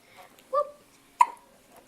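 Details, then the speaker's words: 6-day-old newborn boy: two brief, sharp hiccup sounds about half a second apart in a quiet room. "hello Daddy wow that's the longest hiccups I've ever heard oh"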